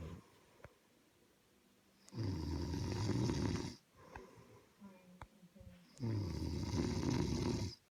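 Two deep, rumbling inhaled snores about four seconds apart with quieter breaths between; loud snoring, roughly 15 breaths a minute.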